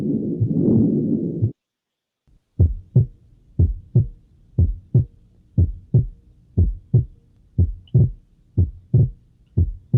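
Regular paired heart sounds at about 60 beats a minute after brief noise; the second sound shifts from single to split, a normal physiological S2 split.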